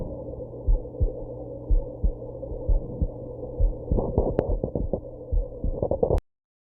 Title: My heartbeat after drinking and smoking || WITH HICCUPS